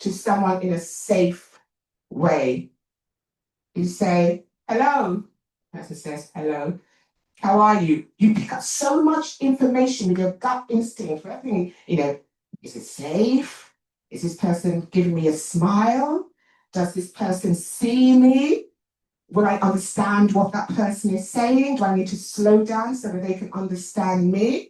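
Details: Adult woman, an actor and writer, who says she has a stammer and points it out while speaking; stuttering.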